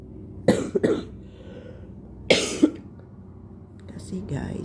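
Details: An adult coughs about five times in two short bursts amid faint room noise, while ill with flu, runny nose, sore throat and cough and testing for COVID.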